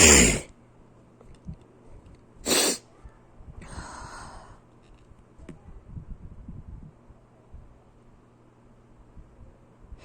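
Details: Two sharp, explosive sneezes a few seconds apart, then a softer snort and quiet breathing: sneezing.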